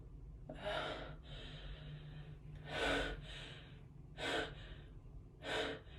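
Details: Woman's sneeze build-up: four sharp, breathy gasping in-breaths with shaky breathing between, the sneeze itself not clearly heard.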